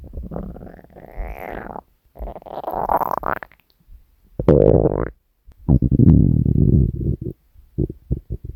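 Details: Hunger stomach growling (borborygmi), compiled from three years of recordings of the uploader's own stomach: several loud groaning, gurgling rumbles with squeaky rises and short bubbly bursts.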